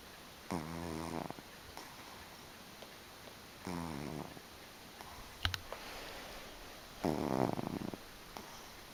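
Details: Male cat, a former stray, blissfully asleep, in unenhanced audio: rhythmic buzzing snores, about three in nine seconds, each breath rattling softly in the nose and throat. Snoring.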